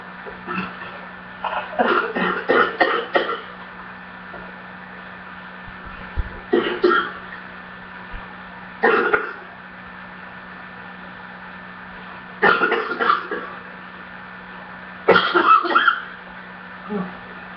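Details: Repeated bouts of harsh coughing and throat clearing, about five clusters with quiet gaps, against steady room hum; person reports still coughing and a choking episode.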